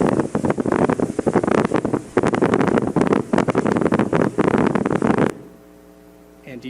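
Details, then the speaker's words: Needle EMG teaching example: crackling, popping bursts as about three to four motor units fire in a burst pattern at roughly 9 Hz, described as poor activation, before the signal drops to a low hum. "that's in there firing and kind of a burst burst type of pattern so there's probably four units there"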